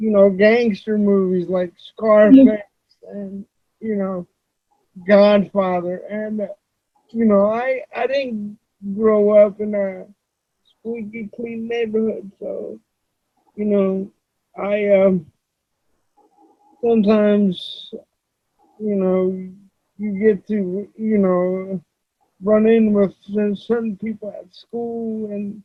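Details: Adult male with cerebral palsy, who reports that voice-recognition software fails to understand him about half the time; dysarthria.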